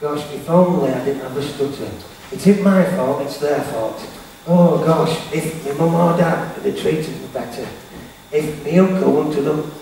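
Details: Stuttering in an adult male motivational speaker who says he has a stammer/stutter and was referred to a speech therapist; real, not acted.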